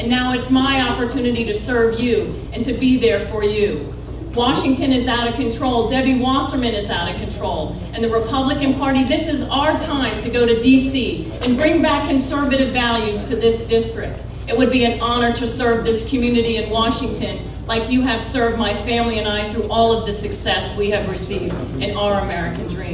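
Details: Adult speaker; no voice disorder.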